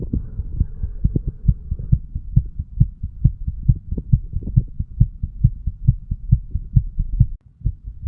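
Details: Heart sounds of a 35-year-old male recorded while sick and detoxing, at the tricuspid area for 3 minutes, then at the mitral (bicuspid) area.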